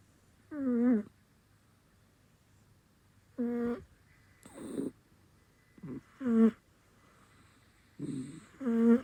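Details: Two 6-month-old Bengal kitten siblings, a male and a female, sleeping and snoring loudly.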